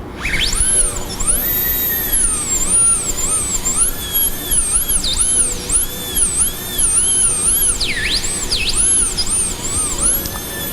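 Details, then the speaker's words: Dental high-speed drill whine rising and falling while preparing tooth 45 on a training mannequin for a partial-coverage metal-ceramic crown, extending the bur to the buccal half of the proximal surface at full axial depth. "estendemos para a proximal até a metade vestibular da proximal com uma broca inteira em profundidade axial."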